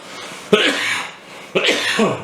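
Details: Two harsh, abrupt cough bursts about a second apart, each trailing off, over faint room noise, from a person whose coughing repeatedly interrupts ear cleaning of mixed wet and sticky earwax near the eardrum.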